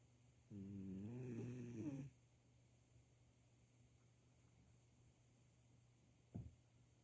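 One low, vibrating snore lasting about a second and a half, then quiet with a short soft snort; ordinary snoring.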